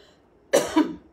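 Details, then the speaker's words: An adult woman gives a brief two-burst cough in a quiet room during a spoken Q&A and says "excuse me, it's an allergy day": a cough. "how if at all excuse me it's an allergy day"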